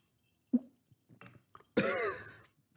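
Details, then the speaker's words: Single stifled adult cough through a mouthful of drink: short muffled burst, small gurgles, then one louder wet, sputtering cough. "the [ __ ] was that sound I had to cough but I had a drink in my mouth God I make some weird noises"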